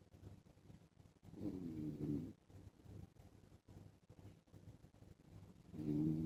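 Low, rough, rattling snores on two breaths, with quieter breathing between: snoring during sleep.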